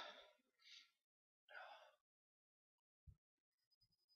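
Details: Two quick breathy sneeze bursts, each led by a short indrawn gasp, then quiet faint noises.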